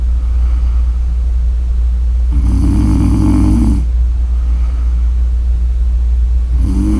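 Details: Snoring during sleep: two rough, rumbling snores on the in-breaths over a loud, steady low hum.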